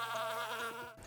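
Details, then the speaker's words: A steady, droning insect-like buzz imitating tinnitus described as having a bee in the head, one of the sounds sufferers compare it to. "il y en a par exemple il parlent d'une ligne à ha de tension permanente ou alors d'une Bouillard qui siffle ou encore l'impression d'avoir une abeille dans la tête on imagine le cauchemar"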